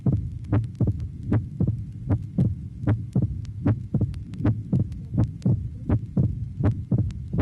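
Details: Heart near 78 a minute in mitral stenosis: loud first sound, opening snap after the second sound in diastole, and low-pitched diastolic rumble with presystolic accentuation, from a 1967 teaching phonocardiogram recording.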